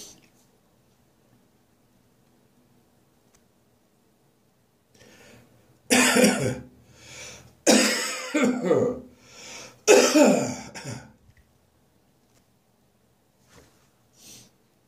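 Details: Persistent harsh winter morning cough that refuses to go away: three loud, harsh adult cough bursts, each followed by a softer trailing cough, in a quiet room.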